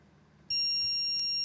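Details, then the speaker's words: AED in a workplace CPR training demonstration: sustained high electronic beep after the shock is delivered, as the device prompts the rescuer to give CPR now. "if the defibrillator finds a heart rhythm that can be helped with a shock it will tell you to push the shock button"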